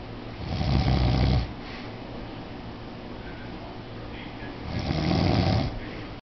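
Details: Adult man (stepfather) asleep: two deep, rattling snores on inhalation, about four seconds apart, with quiet breathing between; snoring.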